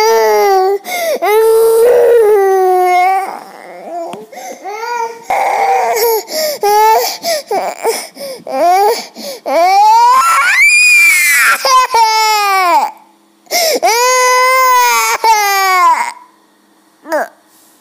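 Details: Loud, sustained crying of a two-year-old boy in long wailing bursts with gasping breaths between them.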